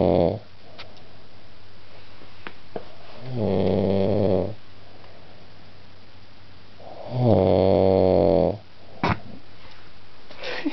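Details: Man snoring at 1:30 am at a friend's house after a few drinks: two long, loud, buzzing inspiratory snores about six seconds apart, with quiet between.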